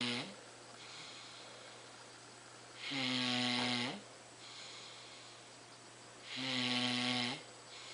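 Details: Snoring from a little guy: loud, buzzing, rattling snores on each inward breath, about 17 a minute, with quieter outward breaths between.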